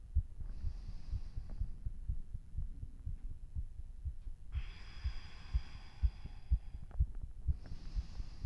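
Strong regular heart thumps at roughly 110–125 a minute with breathing in between, a normal fast heartbeat after exercise.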